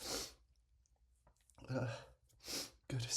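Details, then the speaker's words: Repeated exaggerated, cartoonish sneezes and snorting breaths in a quiet room: an acted sneezing fit by a man who tried to stop them with a finger under his nose. "Oh, no. Here comes another sneeze. God damn sneezes."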